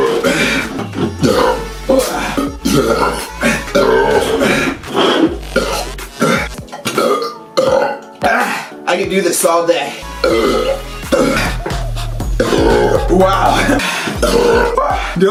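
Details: Loud burps after chugging large amounts of drink in a chug challenge: repeated loud, drawn-out belches over background music and some talk.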